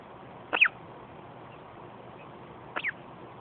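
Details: Hiccups in a premature infant: two brief, high squeaky catches about two seconds apart, a common harmless event.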